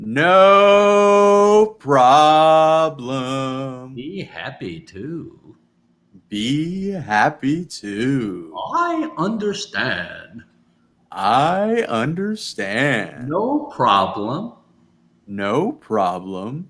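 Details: Adult man speaking; aphasia.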